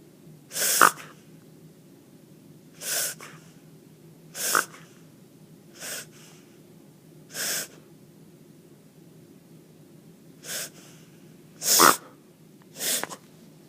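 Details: Dog giving eight short, harsh, breathy coughing bursts at irregular intervals over about fourteen seconds; dog cough.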